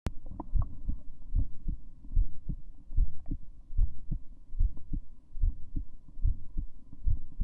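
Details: Adult female heartbeat: steady, regular low thumps at about 73 beats a minute with a faint background hum; normal.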